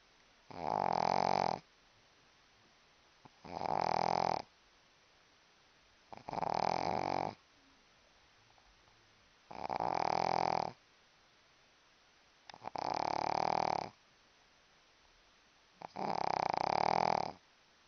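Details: Six loud, rough snores at regular intervals, about twenty a minute, with quiet pauses between them; steady snoring during sleep.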